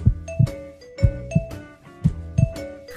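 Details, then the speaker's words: Paired lub-dub beats at about 60 a minute over soft music. The first sound is from mitral and tricuspid valve closure, the second from aortic and pulmonary valve closure: normal S1 and S2. "...has two parts... ...and it is produced when the valves close. The first part is made by the mitral and the tricuspid valve... ...while the second part is made by the aortic and the pulmonary valve."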